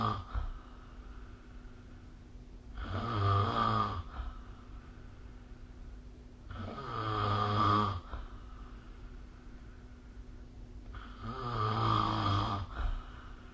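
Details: Snoring during sleep recorded with a phone snore-recording app: three loud, rough, rattling snores on breathing in, about 13 a minute, with a steady low room hum between them.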